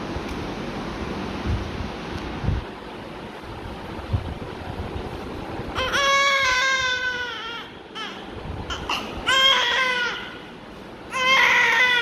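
Faint background noise, then bursts of a newborn's high, wavering cry; crying attributed to gas.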